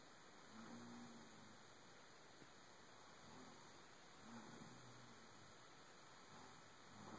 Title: Satan snores